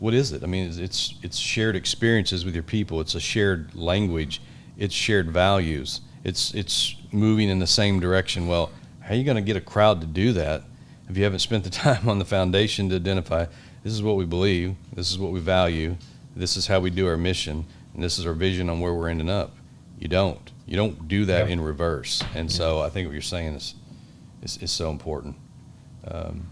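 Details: Adult man; typical speech.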